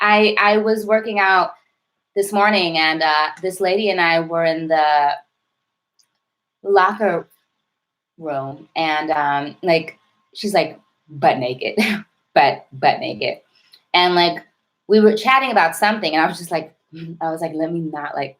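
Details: Adult woman who stutters, with a self-described severe, overt stutter and heavy blocking: stuttering.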